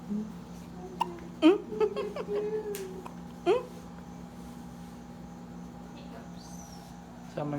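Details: One-day-old baby girl's first hiccups: brief irregular squeaky hiccup sounds with faint voices in a quiet room; hiccups.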